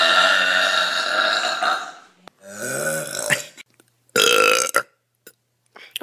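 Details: Several long, loud, deliberate voiced burps, the first about two seconds, then shorter ones; burping.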